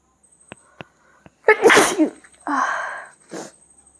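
A quick inward catch of breath, then a sharp sneeze burst followed by a long exhale and a smaller second burst; an ordinary sneeze.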